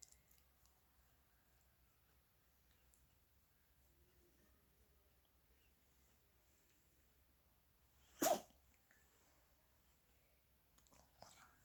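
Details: Pet dog sneezing once in a quiet room while being scratched: a single sharp, explosive, ordinary sneeze.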